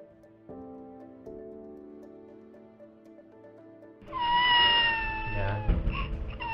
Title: Cri Du Chat Syndrome